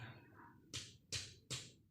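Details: Percussion taps during a nursing head-to-toe physical examination, each with a resonant note.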